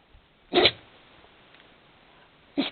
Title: 柴犬アキ。いたずらされくしゃみ：Shiba inu Aki was sneezed by mischief